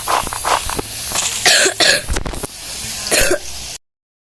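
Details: Several loud, harsh cough bursts in quick succession over a few seconds from a person who is currently ill, with some background noise; cough.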